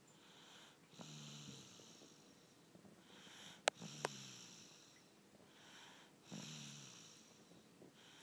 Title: Little man snores